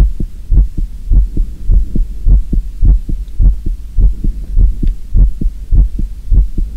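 Steady, strong two-part heartbeats, about 100 a minute, with a low hum behind them; a regular heartbeat.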